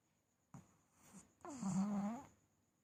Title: Lucy snoring while sleeping